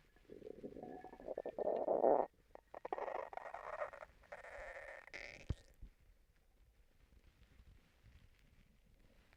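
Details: Stomach rumbling from someone recently sick and vomiting: gurgling, squeaking bowel noises in a few bursts, then quiet.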